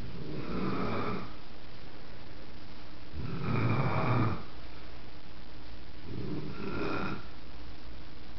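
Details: Grandmother asleep on a couch snoring heavily: three loud, rough snores about three seconds apart, roughly 20 per minute, over steady room hum.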